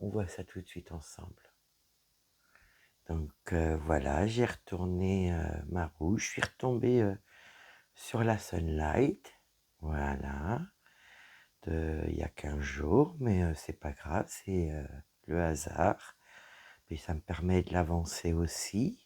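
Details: Dysphonia in a woman whose vocal cords were damaged by a serious health problem.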